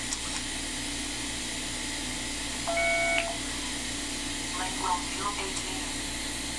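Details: A short electronic beep over a steady room hum: an iTero digital intraoral scanner signalling while scanning a prepared lower tooth for a crown, viewed from straight down.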